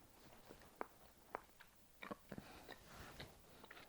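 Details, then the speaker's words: Jaw clicking while chewing a very tough, leathery sour gummy sweet: sharp clicks and pops as the jaw works, consistent with temporomandibular joint clicking. "was the sound of my jaw clicking."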